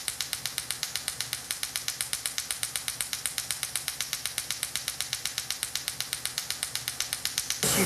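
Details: Cyton erbium laser sculpting remaining facial lines after CO2 laser, female patient under IV twilight sedation, skin resurfacing: rapid regular sharp snapping clicks about four per second for several seconds, erbium laser pulsing.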